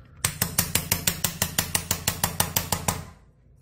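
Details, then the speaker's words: Mallet tapping about sixteen sharp, evenly spaced metallic taps, roughly three a second, driving a biocomposite lateral suture anchor about an inch to its indentation mark in a model during a sports-medicine repair demonstration. "now this one is uh tapping so i'm going to tap it just about an inch where the indentation mark"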